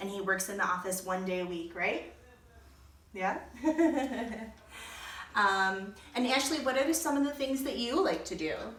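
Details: Adult woman speaking; typical adult speech.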